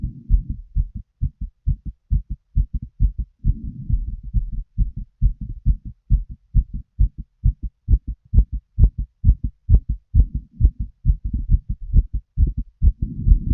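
Steady lub-dub heartbeats through a stethoscope, regular rhythm at roughly 65–70 beats a minute.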